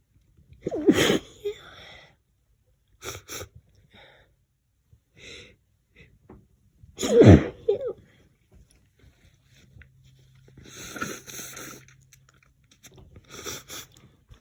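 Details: A run of sharp, irregular sneezes with gasping in-breaths between them in a quiet small room, after the person pressed their face into a lavender-scented pillow; not allergic to lavender but sensitive to it.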